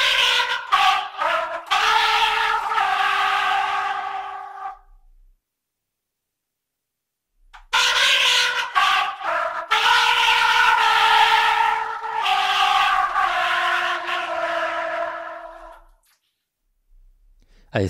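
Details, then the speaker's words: Cochlear implant hearing simulation of trumpet, from a user two years after processor activation with one functional ear: two short phrases with separate, distinct notes, processed to imitate music through the implant. "As you can hear, the sound is even less similar to the original than the baby's cry, but everything depends on the context."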